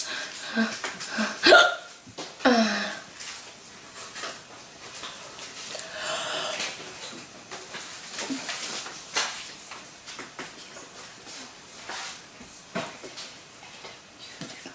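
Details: Ongoing hiccups in a young woman: abrupt, brief gulping catches with quiet talk and laughter between them; she has tried drinking water to stop them.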